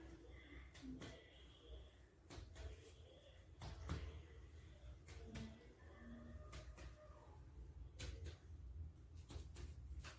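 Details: Normal lung percussion note (resonance).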